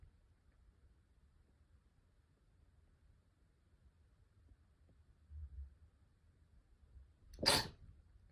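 A couple of soft breaths in a quiet room, then a single sharp sneeze.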